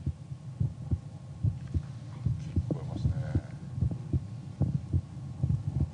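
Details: Heartbeat of a pregnant woman at nine months, recorded with a special home kit: steady, soft paired low thumps at about 75 beats a minute over faint hum.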